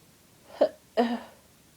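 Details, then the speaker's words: Adult with a cold: a short intake followed by one sharp, forceful sneeze. "Oh God, I'm gonna sneeze again. I feel it building."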